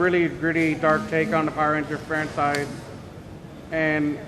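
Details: Adult speaker; normal voice.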